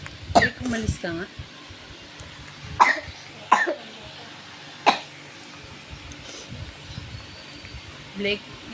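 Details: A young child, described as a baby brother, gives several sharp, harsh coughs in separate bursts with brief vocal sounds between; described as severe coughing.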